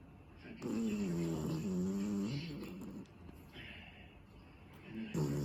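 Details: Sleeping miniature schnauzer snoring very loudly: drawn-out rattling snores with a low buzzing tone on each breath; ordinary snoring.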